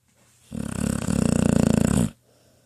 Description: This is Trauma(10yr old pitbull) in her cozy bed having a dream and snoring away.